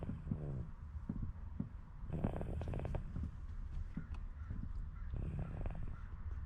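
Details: Snoring in a sleeping baby, dead tired from playing: soft, low, rumbling and rattly breathing noises.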